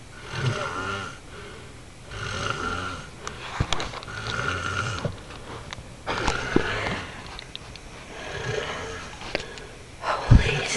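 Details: Loud, rough, rattling snoring repeats with each breath about every two seconds, with quieter pauses between and some small room noises.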